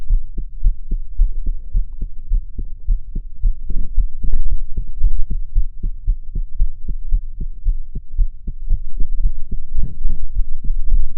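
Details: Person's own heart sounds recorded while crying: rapid, regular low heartbeat thumps with occasional muffled breathing or sobbing noise over them.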